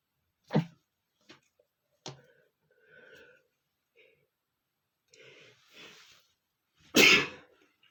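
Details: A male with a runny nose sneezing: quiet sniffs and small breaths building up to one loud, explosive sneeze near the end.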